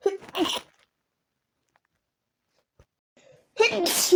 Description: The sneezes were from the morning after waking up.